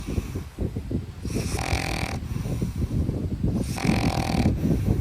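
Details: Sleeping dogs snoring: continuous low rumbling snores with snorting breaths, about two breaths in five seconds.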